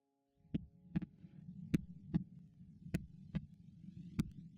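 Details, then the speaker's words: Regular sharp pulses over a low hum at about 100 a minute, a dramatized fetal heart monitor sound in a fictional drama scene confirming no miscarriage. "Suara apa itu? Ini suara det jantung B. Kamu tidak mengalami keguguran."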